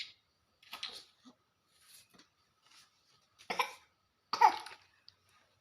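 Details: A young child drinking plain water gives several short, harsh coughs with brief pauses, still coughing somewhat when drinking; choking on swallowed liquid.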